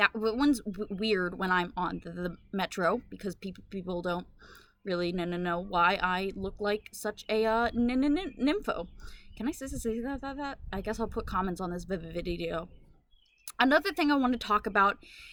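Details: Adult woman with Tourette syndrome whose uncontrollable vocal tics, including echolalia, interrupt her speech; vocal tics with repetition of sounds and words (Tourette syndrome, echolalia).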